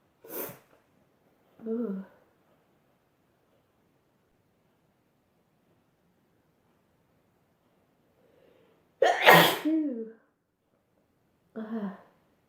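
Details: Sneezing compilation clip: several sneezes, each a sharp burst followed by a short voiced exhale, with quiet pauses between.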